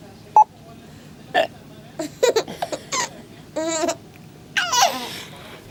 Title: Baby laughs at mom´s hiccup